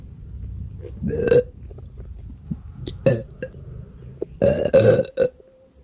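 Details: Several loud, deep burps in quick succession with faint gurgling between, from a gassy, upset stomach (diarrhea tagged).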